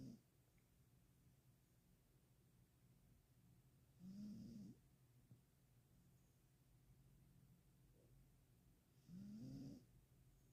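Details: Two low, rattling snores a few seconds apart over quiet room noise; snoring in a sleeping dog.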